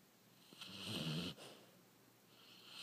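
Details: A single rough, fluttering snore on one breath lasting under a second, then quiet breathing; snoring in someone knocked out asleep.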